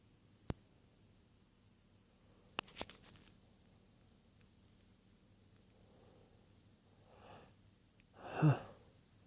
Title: A couple of natural sneezes (M)